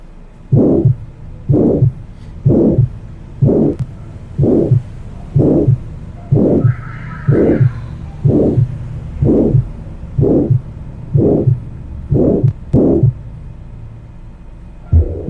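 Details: Teaching example heard at the aortic focus: regular heartbeat near 62 a minute, each beat followed by a soft, decrescendo, blowing (aspirative) sound after the second heart sound; early diastolic aortic regurgitation murmur.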